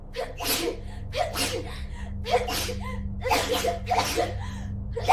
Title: Meta & Tokimeki Sneezing Compilation Part 2